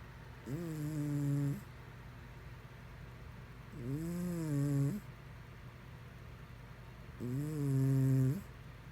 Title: Snoring Cat 4